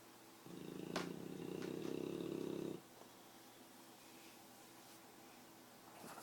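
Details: One loud, rough, rumbling breath lasting about two seconds, then quiet room noise, from a sleeping male English Bulldog; a snore, possibly mixed with purring.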